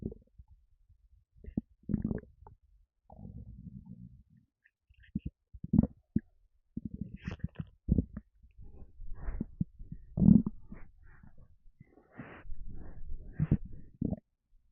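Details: Stomach rumbling while feeling a little gassy after lemonade: low gurgling rumbles in irregular bursts with bubbly runs and short pauses, plus burps; ordinary stomach rumbling.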